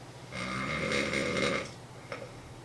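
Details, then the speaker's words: Hotel roommate at a convention, lying on his side asleep, gives one long, harsh, rattling inhaled snore followed by a quieter breath. "you know when you're staying at a convention and you're in the hotel you're sharing the room with friends there's that one guy that snores listen to that"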